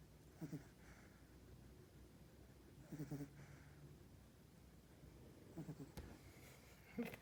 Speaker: So all is quiet in the puppy pool this morning with these beautiful 3-week-old lab puppies, 7 boys, except for this little guy. Can you hear him snoring? Oh, there he goes again.